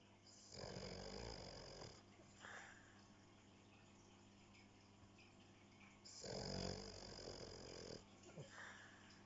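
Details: Filmed while she slept: two loud rough snores, each a noisy inhale over a second with a softer breath between, against a steady low hum: snoring.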